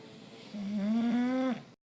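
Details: A sleeping bulldog gives a single drawn-out, low, humming snore on one breath in, rising slightly in pitch, during Fourth of July fireworks; snoring.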